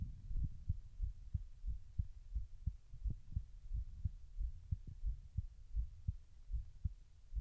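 Steady paired heartbeats, roughly 85 a minute, over a low rumbling background.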